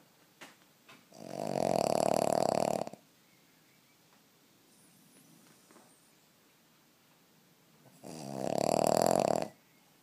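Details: Deeply asleep dog snoring: two long, loud, vibrating snores about seven seconds apart, with quiet between.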